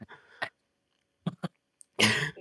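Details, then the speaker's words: An adult man, sick with flu-like illness and sinus trouble, gives several short, sharp coughs with no rattle of mucus, which he calls a dry cough: dry cough. "God, I wish it was a wet cough. I got a dry cough. I can't think of anything worse than a dry cough. I sound like an old man."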